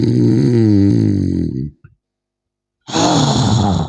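An adult man imitates loud snoring: a long, rattling, voiced inward-like snore, a pause, then another.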